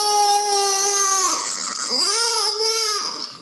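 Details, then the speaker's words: Two-year-old child with severe bronchial obstruction and wheezing cries loudly in sustained, tonal wails in the examination room; the wheeze disappears during the crying. "we came to the examination room and the child has begun to cry"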